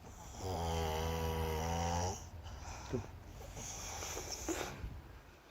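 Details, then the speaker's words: Younger brother snoring in deep sleep with his eyes partly open: one loud, long, rough snore with a low buzzing rattle, then quieter breathing. "Kalau lagi tidur, dia pasti ngorok."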